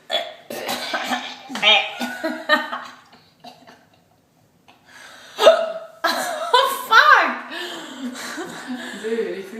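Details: Woman with hiccups after tequila shots and martinis, speaking in a restaurant restroom, her voice broken by sudden short gulping catches; hiccups.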